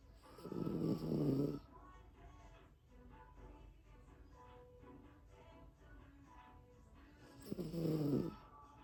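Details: Cavalier King Charles Spaniel puppy snoring while asleep, like an old man: two deep, rattling snores about seven seconds apart, with quiet breathing between.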